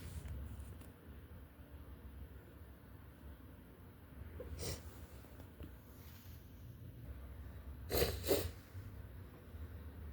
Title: REALLY SICK FLU SNEEZES, Strong, spray, sniffling, something at the end 🤧